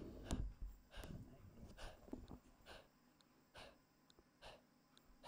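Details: A 15-year-old, 4.4 kg male Chihuahua with persistent cough a month after tracheal surgery, with an extraluminal prosthesis and permanent tracheostomy. Stertorous upper airway noise from laryngeal paralysis and collapse with dynamic pharyngeal narrowing on expiration.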